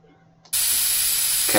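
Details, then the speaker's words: Brief quiet, then a steady loud hiss of dental water spray rinsing the teeth, with suction removing the water, during simulated braces placement in a surgery game. "can you spray them with water I run the suction to remove the water"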